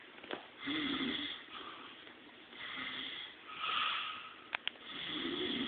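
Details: Snoring during sleep on day 1, with repeated noisy, whistling breaths that have a snorting, wheezy edge.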